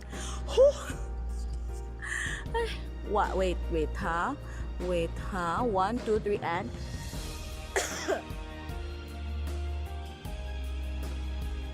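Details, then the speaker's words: Adult woman with COVID-19, in isolation, with past asthma (last attack 2013) and no other comorbidities: a few short, throaty coughs and throat-clearing over background music. "you hear that that's how i cough is so um sorry um yes actually that's how you should clear your throat you don't because it'll irritate it more on the inside so you should let it out"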